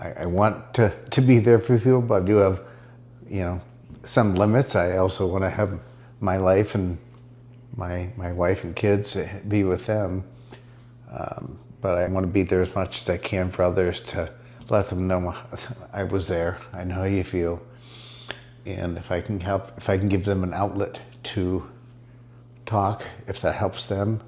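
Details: Adult man speaking; mild dysarthria (multiple system atrophy).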